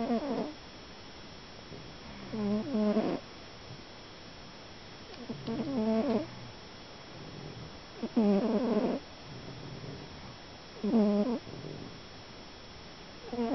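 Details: Rhythmic rattling snoring, about four snores separated by quiet breathing pauses; ordinary snoring.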